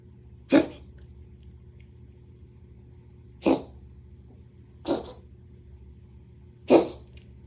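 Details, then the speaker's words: Four short, sharp, forceful cough bursts a second or more apart against a quiet hum: a cat coughing, easily mistaken for vomiting or bringing up a hairball. "那咳嗽的话，它就是一个保护我们呼吸道的一个反射机制，透过压力的变化，把这些外来的东西把它排出来。"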